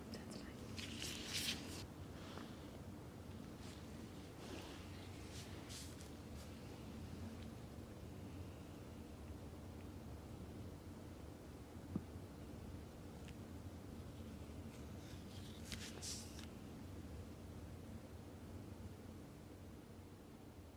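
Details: Normal bowel sounds heard over the abdomen with the stethoscope diaphragm during an abdominal exam: a quiet hiss with a few brief, irregular, soft gurgles and clicks.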